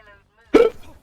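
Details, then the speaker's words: A streamer playing Overwatch 2 has a long bout of hiccups, saying they are sweating and their head hurts. One abrupt, loud, voiced hiccup gulp follows a quiet pause. "Stop. Stop with the hiccups. This is crazy. My head hurts."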